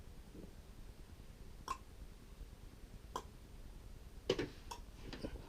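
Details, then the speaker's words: Knee crepitus test with a hand on the kneecap, leg lifted and lower leg swung without moving the femur: about five or six sharp, irregular clicks and pops, attributed to poor patellar tracking (patellofemoral clicking). "today I'd like to talk about one very common cause of clicking grinding and popping in the knees these are very common signs of poor patellar tracking"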